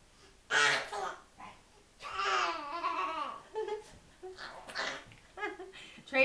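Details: An infant, taught by his grandmother to fake sneeze, makes short, sharp voiced bursts imitating sneezes, mixed with babbling and laugh-like sounds.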